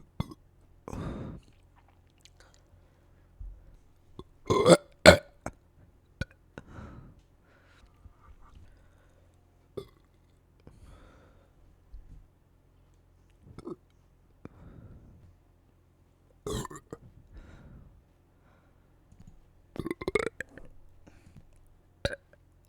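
Repeated deep, rumbling burps at irregular intervals, some in quick pairs, with quiet gaps between; belching.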